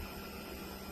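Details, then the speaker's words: Steady motor hum and whir of a GROWNSY electric baby nasal aspirator switched on at speed one, the lowest of its three suction levels; device running. "You could turn the speed up, speed two, speed three. Those are the suction level."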